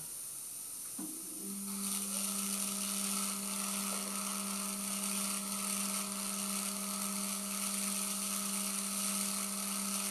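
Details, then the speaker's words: Dental implant surgery in a fenestration GBR case: a 2.0 twist drill is used for the initial osteotomy drilling. A steady, high motor whine of the drill is heard. "2.0 twist drill is used for the initial drilling the direction will be examined using parallel pins"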